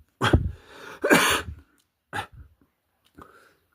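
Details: Person who says they cannot stop coughing: two sharp, dry coughs close together, then two softer throat-clearing sounds in a quiet room; persistent dry cough.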